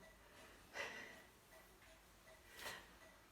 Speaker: you can hear snoring it's the dog not the cameraman